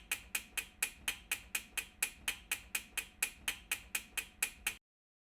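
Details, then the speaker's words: Lapidus procedure for hallux valgus, AO workshop: osteotomy of the first metatarsal begun with a saw and completed with hammer and chisel; rapid series of about twenty sharp metallic taps on bone. "the saw is used to begin the osteotomy cut on the first metatarsal [Music] the cut is completed with the hammer and chisel"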